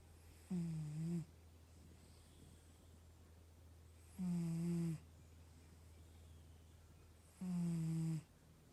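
Three loud, low, buzzing snores spaced about 3.5 seconds apart against a steady low hum; regular snoring at about 18 breaths a minute.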